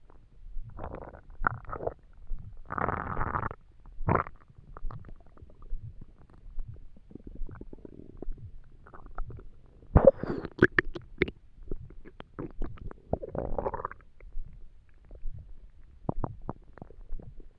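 Irregular gurgles, squeaks and low rumbles from an empty stomach, ordinary hunger borborygmi.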